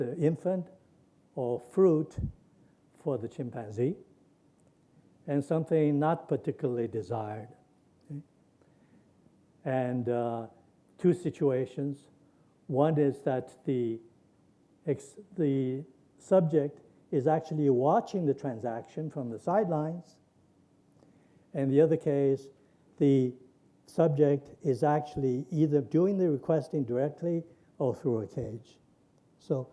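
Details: Imitated Wernicke's aphasia: a lecturer reads aloud a published patient sample of fluent jargon with neologisms and lost meaning but intact grammar, not a real patient.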